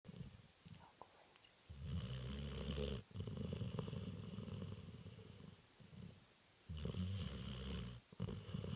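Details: Sleeping spaniel puppy napping: soft, low fluttering snores with quiet pauses between breaths; ordinary puppy snoring.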